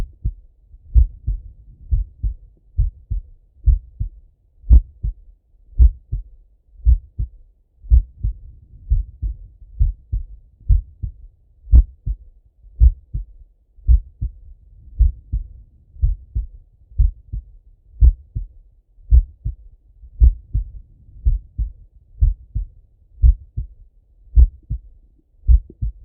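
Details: Male heartbeat heard through a stethoscope: steady, slow, clear lub-dub pairs at about 56 beats a minute; normal heart sounds at a slow rate.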